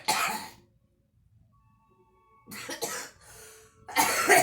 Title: girl smoking and coughing